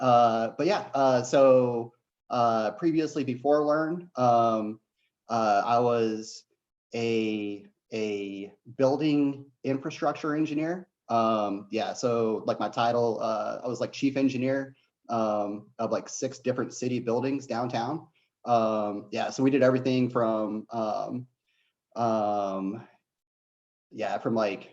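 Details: Stuttering in an adult man, a former tech-course student, who says he has a bit of a stutter.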